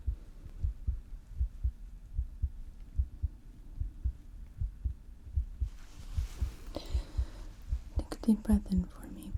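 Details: Soft, steady low thumps at about 76 beats a minute, later covered by whispering and handling noise; an ordinary heartbeat heard at the chest in a roleplay hospital pre-surgery exam, temperature 98.2, simulated.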